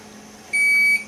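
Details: A single steady high-pitched electronic beep of about half a second over quiet room noise: the start-up tone of a Datex-Ohmeda Instrumentarium anesthesia gas monitor, bought on eBay, switched on for a demo with a tube attached for blowing in.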